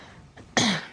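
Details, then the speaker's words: A British teenager with Tourette syndrome, whose tics include sharp and slow breathing, coughing and humming, gives one sudden sharp cough in a quiet room: cough-type vocal tic. "I've got breathing a sharp breathe slow breathe cough humming noise"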